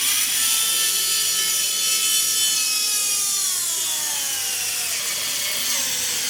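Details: Steady high whine of a surgical twist drill, pitch sliding lower under load, cutting a dense 3D-printed stereolithographic model of a patient's maxilla during pterygoid implant osteotomy demonstration, starting near the hamular notch.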